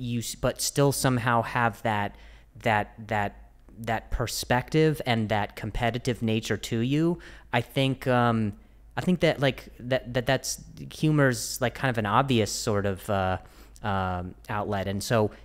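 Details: Adult male who stutters, speaking with word repetitions: stuttering.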